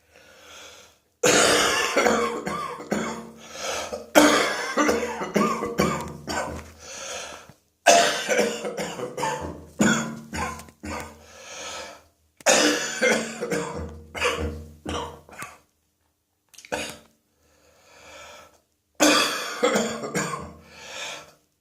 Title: Wet Throat Infection Cough